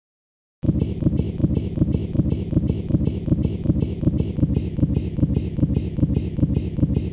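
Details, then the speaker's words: Fetal Doppler during umbilical cord compression from occult cord prolapse in a contraction: rhythmic whooshing pulses at about 80 a minute, a fetal heart rate deceleration. "with the return of normal blood flow to the fetus the deceleration resolves and heart rate returns to normal"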